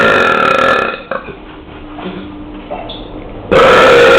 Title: Me Burping In The Street 3 / Yo Eructando En La Calle 3